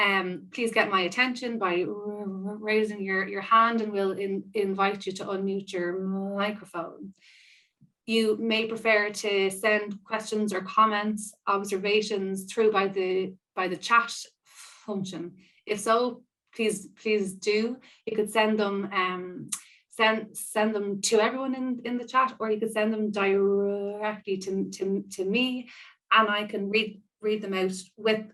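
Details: Stammering in an adult woman who describes herself as a person who stammers; real spontaneous speech.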